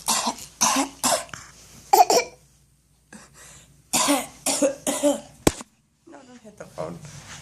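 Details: A child coughing: two short runs of brisk, dry-sounding coughs, about seven in all, with quiet gaps between.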